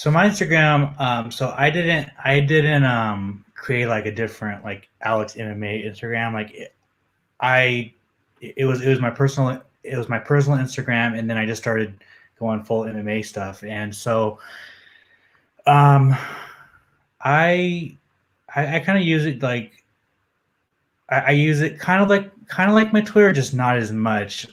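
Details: Adult man, an MMA journalist, who reports having a stutter that comes out when he is nervous; stuttering.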